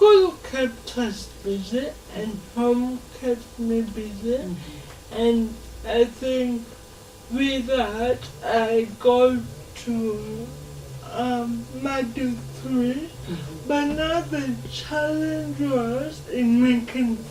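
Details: Adult woman speaking; dysarthria (cerebral palsy).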